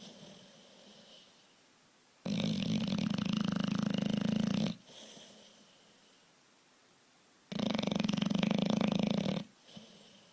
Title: Beauregard the big bulldog snores